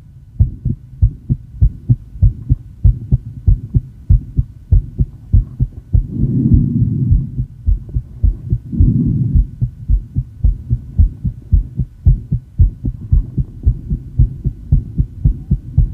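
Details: Woman with asthma after inhaling probably too much salbutamol; tachycardia rising from the 110s to 170 bpm, with pushes and exhale breath-holds tried. Rapid, regular heartbeat about 110–120 a minute with rustling breath noises.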